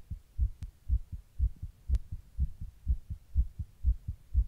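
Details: Fast, regular heartbeat at about 120 beats a minute, heard as low double thumps, recorded while sitting in 100-degree heat during a heatwave; tachycardia (fast heartbeat).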